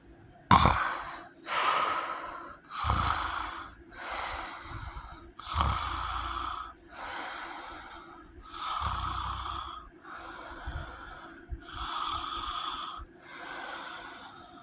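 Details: A person with sleep apnea gives loud, rhythmic snoring with a whistling, wheezy edge and snorting onsets: heavy snoring with sleep apnea.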